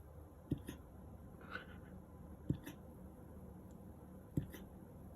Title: Siberian husky puppy doin a hiccup